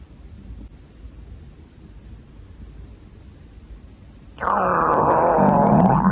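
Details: Female, hungry: quiet room noise, then a loud, long, groaning gurgle from the belly; hungry stomach growling, normal gut sound (borborygmi).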